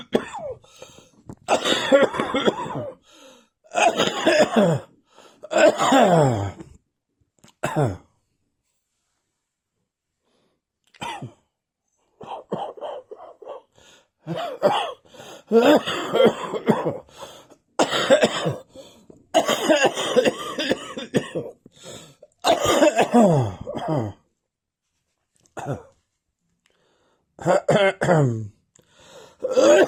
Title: This cough has gone onto my chest!